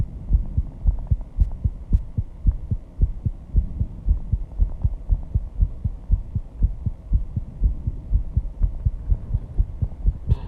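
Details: Own heartbeat after intense exercise with heavy breathing, reported at 134 bpm: strong, steady, fast thumping about 120 a minute with a low hum behind it; sinus tachycardia.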